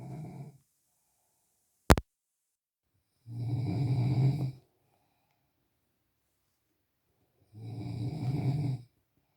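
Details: Low, rattling snores recurring about every four seconds, roughly 14 breaths a minute, with a brief click between: snoring.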